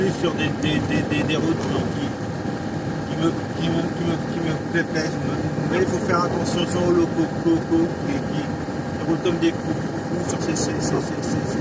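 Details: Adult man who stutters, speaking French; he says his stuttering worsens when recalling a stressful workplace period around 2004. Stuttering.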